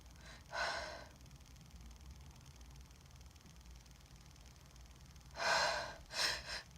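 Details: Two sudden sharp sneezes over faint room noise, each with a soft breath-in before it, after quiet breathing; sneezing from a female after a nose tickle.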